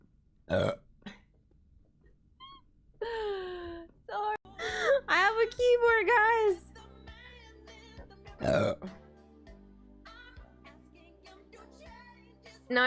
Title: nice burps